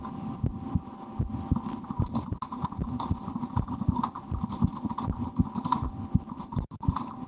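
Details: Own heartbeat recorded through a stethoscope for relaxation, sometimes holding breath or trying to raise the rate, with a loudly digesting stomach after lunch: muffled beats partly masked by low hum, rustling and stomach gurgling; normal heart sounds.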